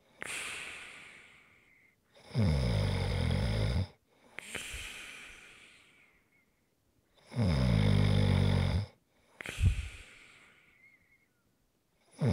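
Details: ASMR snoring recording: loud rattling snores on each inhalation alternating with breathy exhalations, roughly one cycle every three to four seconds; snoring.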